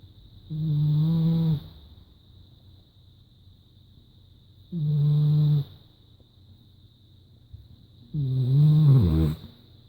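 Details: Three long, low-pitched, droning voiced snores about four seconds apart (roughly 16 a minute) with faint room hum, from a sleeping French Bulldog; steady snoring.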